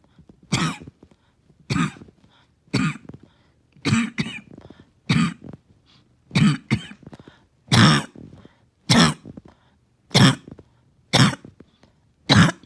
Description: Back to back coughing fits this morning have taken the wind out of me.